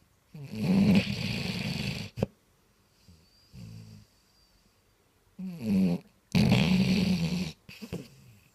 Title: Freddie snoring (basset hound)